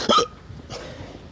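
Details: Single sharp voiced hiccup followed by quiet room noise; person with ongoing hiccups, hiccup.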